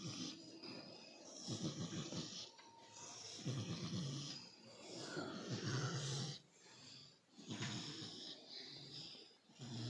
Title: pig, snoring,live pigvideo animal delivery breeding piglets pigfarming piggery pig